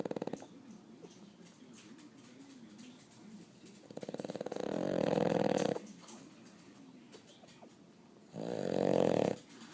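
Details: Sleeping dog snoring loudly with her eyes open: rough, buzzing snores in bursts on breathing in, with quieter breathing between.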